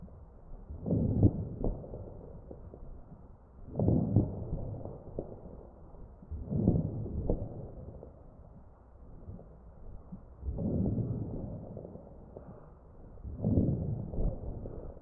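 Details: Regular machine-driven breaths with brief popping crackles, suggesting fluid or secretions in small airways; chest of a ventilated patient.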